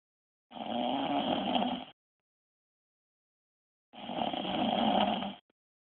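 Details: Two long, loud, rattling snores on inhalation from a sleeping wife, separated by a few seconds of silence; heavy snoring.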